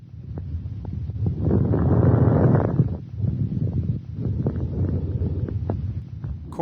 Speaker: fine crackles are discontinuous or high-pitched short crackling sounds on inspiration